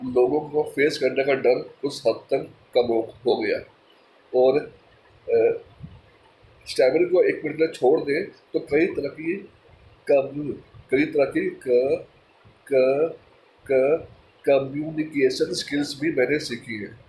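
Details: Stammering in a person who stammers, speaking mixed Hindi and English; finding: stammering.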